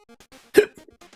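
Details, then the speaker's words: A single abrupt, sharp hiccup from a person while streaming, heard over soft game music. "That being said, oh my goodness, I am so sorry. Oh, the hiccups."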